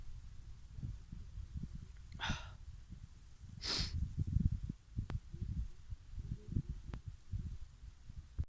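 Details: Two forceful, breathy sneezes outdoors over rumbling wind noise, at the top of the Col du Grand Colombier after a hard hike.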